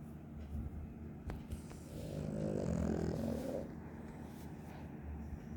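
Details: One long, low, rumbling snore that swells and fades over a noisy background; snoring, probably from a dog.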